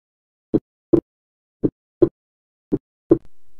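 Clear heart sounds near 55 a minute; the second sound splits with inspiration and fuses on expiration, a normal finding.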